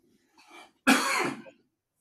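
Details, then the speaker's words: Older man recovering from a week-long chest illness with fever, treated with steroid injection, cough syrup and antibiotics: a soft throat sound then one harsh, moist residual cough as the lungs clear mucus. "I'll still have that residual cough like you said because it's just got to get that lung butter out of the lungs"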